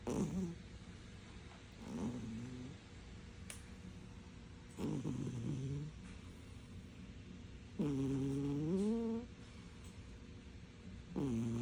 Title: Cat Snoring Loudly 💤😴